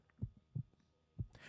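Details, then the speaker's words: Soft, low, regular thumps about 0.6 seconds apart through faint background noise: a fetal heartbeat. "last time i checked that sound means something is living this is not a blob of tissue this is a human being"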